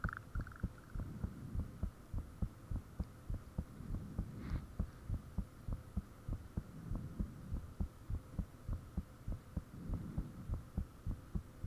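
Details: Self-recorded own heartbeat with the fan turned off, taken shortly after the heart began feeling unusually thumpy: strong, steady low thumps about 100 beats a minute over a faint background hum.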